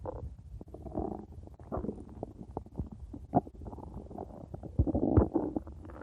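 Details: Stomach growling: continuous low gurgling and rumbling with bursts of bubbling and popping; ordinary gut sounds (borborygmi).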